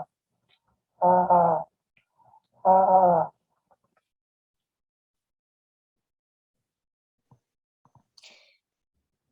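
Two loud, resonant spoken syllables come through the chest, booming but with words not clearly made out: bronchophony, increased vocal resonance.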